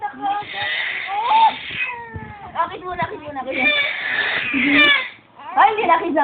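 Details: Five-month-old infant crying: repeated wailing cry bursts with short breaths between them, an ordinary baby cry.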